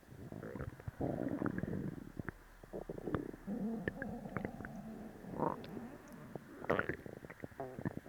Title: Laxative stomach growls